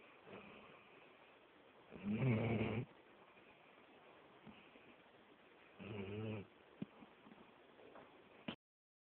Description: this is ma random pup snoring his head off turn it up real loud